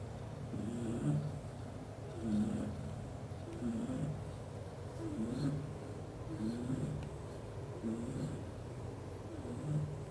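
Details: Father cat, a black golden British Shorthair, sleeping while hugging mother cat and kittens: soft, regular rumbling snores with each breath, about 40 a minute, over faint room noise; snoring.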